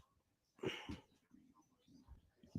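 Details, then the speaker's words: Dog coughing, which the owner calls coughing and wheezing: a single short, harsh coughing burst in a quiet room, then soft breathing noise, with no clear wheeze heard. "This goddamn coughing and wheezing dog is getting on my nerves."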